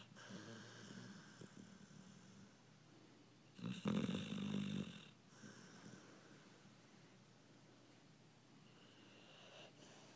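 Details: Sleeping American Bulldog snoring: soft, low breathing with one louder rattling, snorting breath in the middle.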